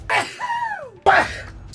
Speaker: That's the best sneeze I've ever heard.